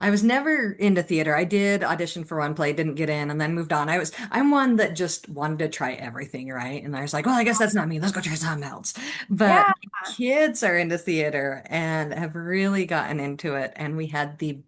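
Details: Adult woman speaking; typical adult voice.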